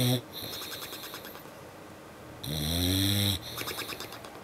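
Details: English Bulldog lip snoring after a long day at the beach: a loud, droning snore with a fluttering, smacking lip quality between softer rattling breaths. He occasionally snores like this after long weekends of play and hiking.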